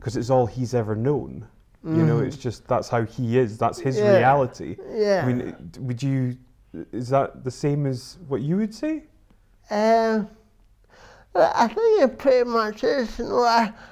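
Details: Adults in conversation; typical speech.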